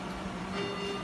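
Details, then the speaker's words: GE Aisys anesthesia machine daily check: steady electronic alarm tone over room noise after cylinders are turned off and supply lines unplugged, the oxygen supply failure alarm sounding with no gas supply. "again we'll kind of double check the alarm by turning off the cylinders, which should cause the alarm to come back on, because now there's no gas supply. In a minute, the alarm should come back. You can hear the alarm return,"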